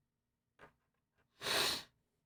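A short sharp inhalation followed by one loud, hissing sneeze burst in a quiet room.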